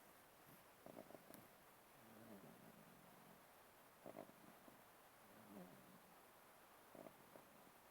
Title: Snoring Baby